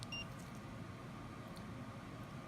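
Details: One brief high key-press beep from a CADD-MS 3 subcutaneous Remodulin infusion pump over low room hum, as the mL-per-hour rate is confirmed with "done" during set-up.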